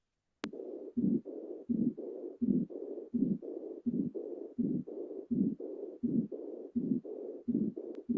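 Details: 3-year-old child, auscultation over the base of the heart: heart sounds about 83 a minute with a steady rushing murmur running through both phases, patent ductus arteriosus murmur.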